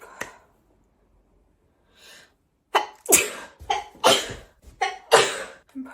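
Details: Woman sneezing after trimming and plucking her eyebrows: a quiet intake, then a rapid series of about five sharp, explosive sneezes in quick succession; a sneezing fit.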